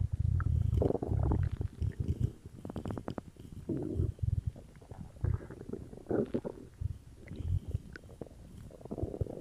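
Low gurgling and rumbling from the belly in waves, with bubbling crackles; ordinary active bowel sounds.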